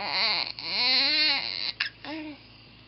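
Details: Infant boy hiccuping: short, rising-and-falling cries broken by a brief sharp catch in a small quiet room; an ordinary fussing cry.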